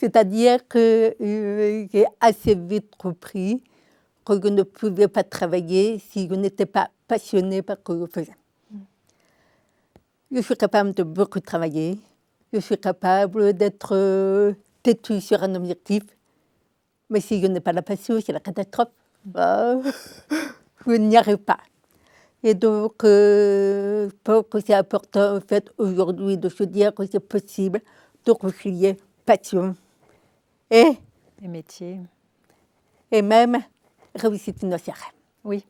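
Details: Deaf speech in an adult woman with congenital deafness diagnosed at 9 months; she learned to speak through 20 years of speech therapy, three sessions a week.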